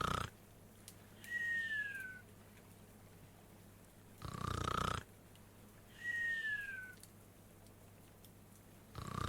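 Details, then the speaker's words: A sleeping person snoring at about 12 breaths a minute: rough noisy snores alternating with a falling whistle each cycle, over low steady room hum. "The video is a video of me leveling up and snoring."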